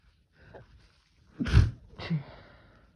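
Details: Male, harsh sneezing fit that started mild and kept coming: a soft inward breath, then a harsh, forceful sneeze followed by a smaller second sneeze.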